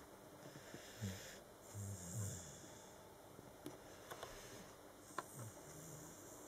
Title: Sleeping and snoring